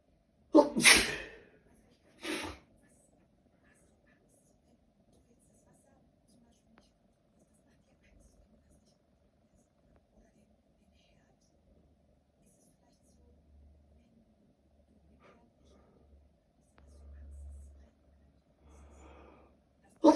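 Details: Two loud sneezes close together, then a long quiet stretch with faint breathing; sneezing from a cold after a 24-hour itch.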